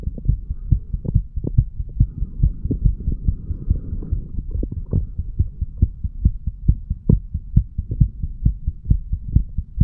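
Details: Self-recorded heart sounds of a sick 35-year-old male, recorded first over the tricuspid area for 3 minutes and then over the mitral area.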